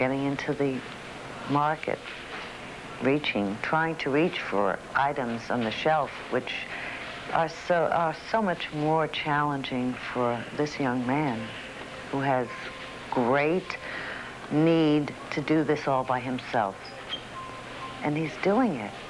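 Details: Adult woman narrating; normal speech.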